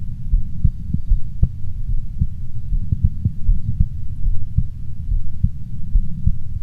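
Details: Self-recorded stethoscope heart auscultation at four points: regular low-pitched heartbeats, each a soft double thump over steady low hum.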